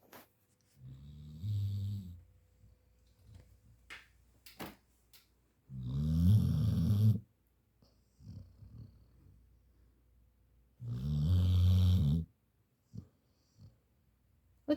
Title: LISTEN 🎶 😄📢🎷WHO SAID THAT THE DOGS (BABY-DO) DON'T SNORE????....😁